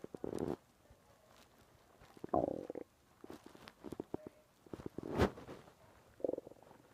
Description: Small growls from the stomach.